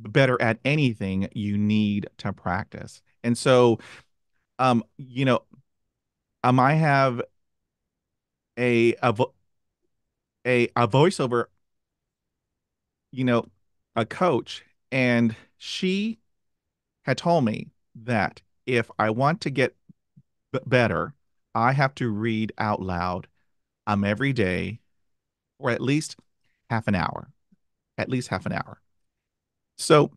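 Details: Adult who stutters, hosting a podcast; stuttering.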